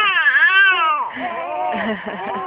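A baby's loud, rising and falling wail, then a shakier, lower cry with catches in the voice; an ordinary infant cry.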